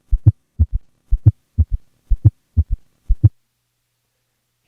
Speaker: here is a patient with both an S3 and an S4 at a heart rate of 60 beats per minute with a recording made during expiration and thus without an S2 split